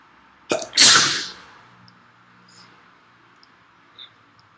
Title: It started with a sneeze...